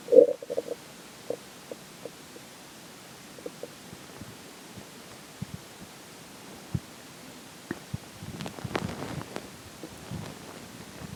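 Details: Stomach growling during digestion, as water and air begin taking major effect: scattered gurgles, pops and rumbling bubbling sounds; normal borborygmi.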